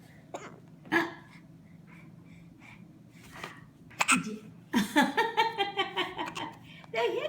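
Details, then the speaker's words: Infant with hiccups: several short, abrupt catches in the breath followed by a run of soft vocal sounds, adult talking faintly in the background; hiccups. "did you have the hiccups"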